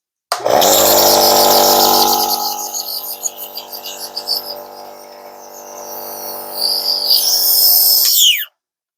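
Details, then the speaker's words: Home nebulizer for a child's prescribed inhaled medication, demonstrated by a nurse: loud steady buzzing motor hum with hissing airflow, then switched off, turning the liquid into an inhaled mist. "so once you're all set up I usually warn this is a little bit loud when we actually turn the machine on it will um be a loud kind of motor noise so I'll just demonstrate that quick"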